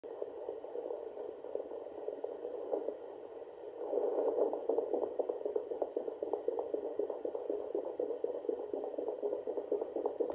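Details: Pregnant feral cat, due to give birth any day: rapid whooshing Doppler pulses at roughly 240 a minute, her kittens' fetal heartbeats heard for the first time.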